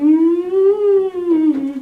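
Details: Adult male singing teacher, currently sick with the flu, demonstrating very quietly on a warm-up scale the sound of a healthy voice for contrast with laryngitis; healthy singing voice demonstration.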